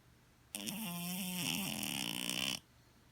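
One loud, two-second buzzing, rattling snore with a raspy, whistly edge, in a quiet room: snoring in a sleeping cat.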